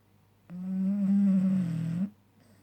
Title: Staffie twyla sleeping snoring tounge out